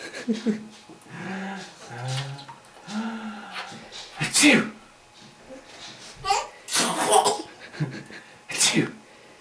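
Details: A child's voice followed by several sharp, explosive sneeze bursts, with brief talk and laughter around them.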